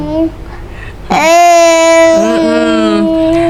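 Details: Wordless babbling by a young girl with cerebral palsy and epilepsy who cannot yet talk and communicates mainly with her eyes: wordless vocalization in a child with cerebral palsy.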